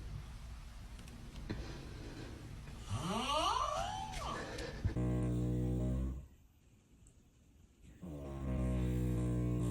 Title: Funniest snoring compilation ever! Can’t stop laughing#funnyvideos